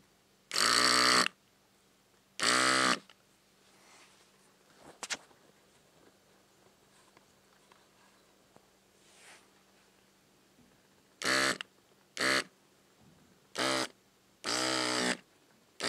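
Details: Pet nasal cavity ("blowhole") cleaned after light saline flushing, using a baby nasal aspirator with a custom thin-tipped silicone attachment: several loud, harsh sucking bursts separated by quiet gaps; nasal aspirator suction.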